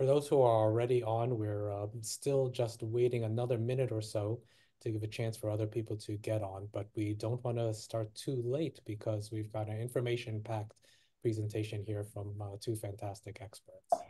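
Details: Adult man speaking; Typical adult speech.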